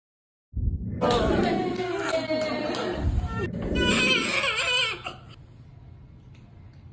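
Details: Newborn baby boy's first cries just after a repeat caesarean delivery, a normal sign: loud, high-pitched cries in repeated bursts with staff voices and room noise.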